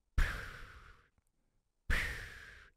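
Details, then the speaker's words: Two rough, airy breath bursts imitating the snoring sound the speaker's husband makes during sleep; she says she knows it's sleep apnea. "me freaking crazy I know it's sleep apnea"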